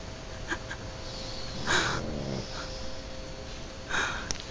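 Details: Pugs sleeping in the owner's bed snoring: soft snorting, rattly breaths from small flat-faced dogs, a few noisy inhalations over a steady room hum, one pug possibly snoring louder.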